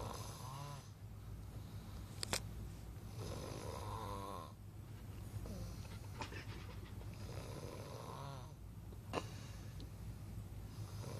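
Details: Night-time snoring recording: low rumbling snores repeating in slow cycles over steady room noise; ordinary snoring.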